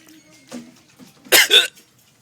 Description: When i get hiccups i tend to cough then i hiccup right after its kind of weird